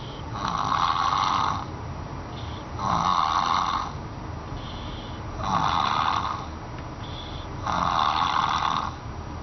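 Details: Sleeping baby snoring softly and regularly, about four breaths in ten seconds, over steady background hiss; snoring.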